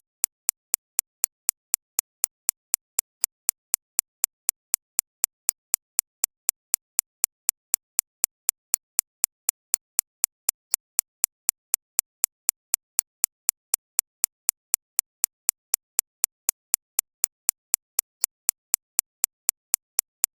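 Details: Synthesized tinnitus-relief track digitally recreating an extracorporeal shockwave therapy machine's impact sound, targeting 6.5–13.5 kHz, not real: sharp, bright clicks repeating steadily at four per second.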